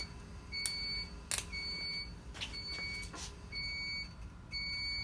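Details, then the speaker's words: ECMO circuit priming with the pump outlet clamped: repeated high-pitched electronic beeps at about one per second over faint room noise; the pump's expected no-flow alarm. "And this is going to alarm at us because it's got no flow. That's okay."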